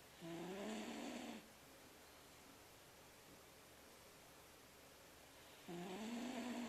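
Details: Pet named Casper sleeping and snoring: two soft, whistling, rising snores on the in-breath, about five seconds apart, with quiet between.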